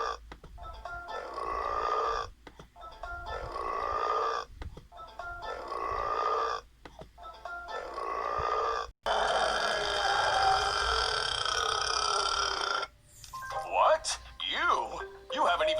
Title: Burps compilation 52